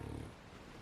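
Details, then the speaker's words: Pug dog asleep in owner's lap during an afternoon nap gives a brief low, rough nasal snort, then fades into quiet breathing; sleep snort. "ooh, that was a good snort, wasn't it?"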